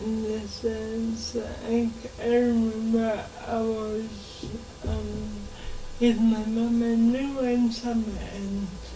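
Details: 26-year-old woman with lifelong cerebral palsy who began talking much later than other children; real, not acted; dysarthric speech in cerebral palsy.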